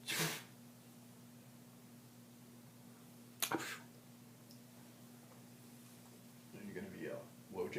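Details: A person sneezes, described as a strong sneezer: two brief sneeze bursts over a steady electrical hum, with quiet talk near the end; sneezing.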